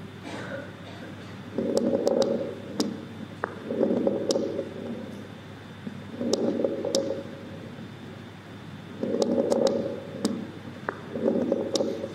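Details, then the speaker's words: Patient with pneumonia, stethoscope chest auscultation: repeated breaths with loud, low bubbling coarse crackles, described as caused by mucus in the bronchi and often localized to certain lung spots. "coarse crackles are often heard just in certain spots in the lungs possibly only on one side or in different spots on both sides they are usually caused by mucus in the bronchi listen to the sound of coarse crackles in a patient with pneumonia"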